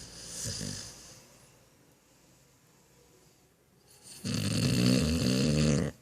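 Loud, rattling inhaled snore after a short quiet pause, with a fainter breath before it; a dog snoring.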